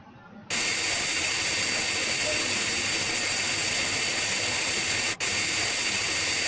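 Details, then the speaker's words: High-speed dental handpiece with fissure bur held perpendicular to the occlusal plane, loud steady high-pitched hiss and whine with a brief break, cutting the 1.5–2 mm deep outline of a Class I amalgam cavity in a lower first molar. "no tilting is done during this space of cutting the bar should be upright or perpendicular to the fusel play"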